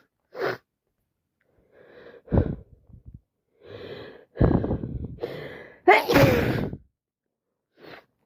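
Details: A person with itchy, irritated eyes, unsure whether it is a cold or allergies, has a rapid fit of about six to seven sneezes, some preceded by sharp in-breaths. Repeated sneezing.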